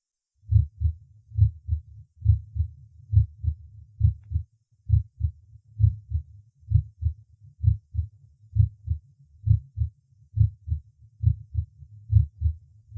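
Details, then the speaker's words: Normal heart sounds at the fifth (Botkin–Erb) point, fourth left intercostal space beside the sternum; first and second sounds about equally loud; steady rhythm about 67 per minute. "громкость обоих том и в сердце примерно одинаково в этой точке оценивается состояние аортального клапана"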